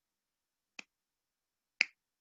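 Two sharp, brief clicks about one second apart, a softer one then a louder one, imitating reciprocal jaw-joint clicking from disc displacement with reduction.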